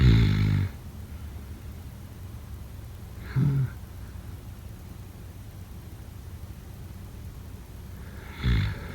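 Slow, low rumbling snores at about 0, 3.3 and 8.5 seconds, separated by quiet breathing; ordinary sleep snoring.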